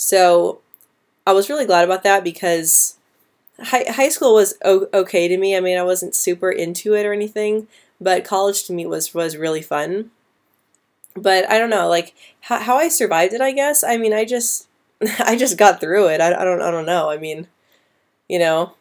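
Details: Woman who stutters, speaking live with a part-word repetition on 'molasses'; stuttering.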